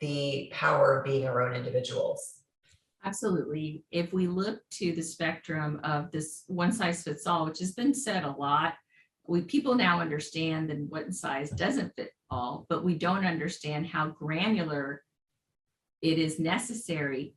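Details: Adult woman speaking; normal voice.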